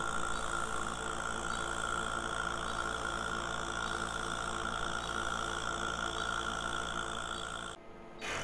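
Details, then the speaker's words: CoolPeel fractional CO2 laser with scanner at low settings (1 W, 600-micron spacing) on a patient's skin, firing in a random pattern for a light surface peel: a steady mechanical whir with fine, rapid pulsing. "es un láser fraccionado eso significa que solamente hay ablación en unos puntos determinados por eso facilita la recuperación"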